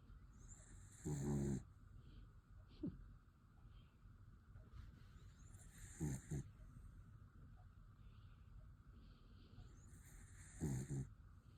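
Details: Black miniature dachshund snoring while dreaming at bedtime: brief snorting snores recurring about every five seconds, with faint whimpers and snuffles between them, over room hiss.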